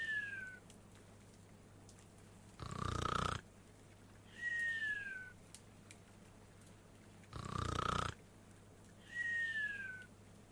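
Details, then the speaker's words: Rhythmic snoring: rough rattling snore on each inhalation and a high whistle on each exhalation. "The video is a video of me leveling up and snoring."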